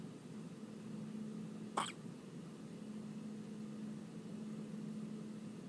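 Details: Baby girl hiccupping during kangaroo care on her mother's chest: a single short, sharp hiccup over a steady background hum.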